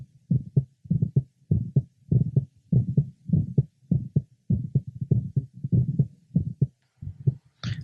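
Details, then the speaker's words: Heart sounds at about 100 a minute over the pulmonic area of a patient with mitral valve prolapse, possibly with atrial septal defect: split second sound that stays split on expiration, and a faint mid-systolic murmur. "over the pulmonic area the second sound is split and does not become single with expiration a faint mid systolic murma is also [Music] present"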